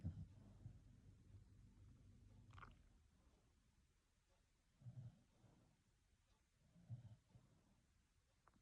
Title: sleeping she loves to snore 😴 💤